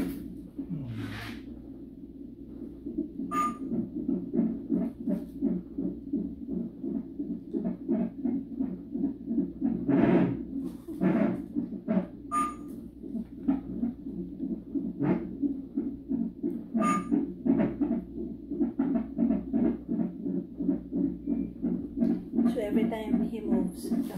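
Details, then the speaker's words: Fetal heartbeat on a Doppler monitor during a 37-week non-stress test for high-risk pregnancy: rapid whooshing about 170 a minute with movement thumps; heart rate rises as the baby moves: fetal heart rate acceleration. "the heartbeat's getting strong and fast. Do you hear that? So these lines mean that the baby is very happy and moving a lot."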